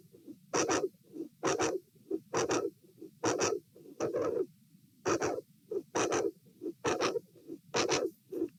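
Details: Heart sounds recorded at position A during an auscultation stress test (lying, sitting, standing) in dilated aortic root: very loud mid/late systolic sound with murmur at S2; aortic vascular click.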